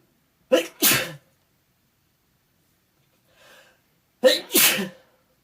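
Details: Two allergic sneezes from a cat allergy, each a quick catch of breath then a forceful burst, several seconds apart; the cat makes the person's eyes water.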